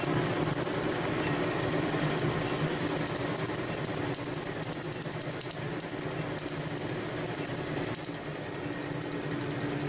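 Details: Rapid, steady clicking pulses, about two or three a second, over a constant machine hum: a Q-switched laser firing during tattoo removal.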